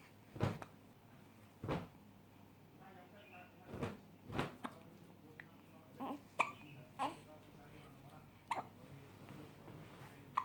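Short, abrupt catches recur every one to two seconds, roughly eight in all, with faint room noise between them. These are hiccups.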